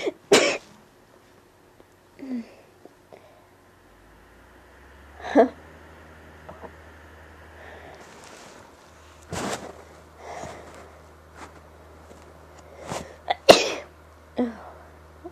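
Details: Person sneezing helplessly and unrestrained, attributed to dust: several sharp explosive bursts, some with a breathy lead-in, in a quiet room with low hum; repeated sneezes and coughs.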